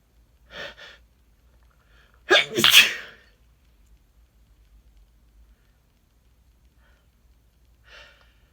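A short burst of sneezes in a quiet room, with a softer sniff or sneeze at each end: ordinary quick sneezing.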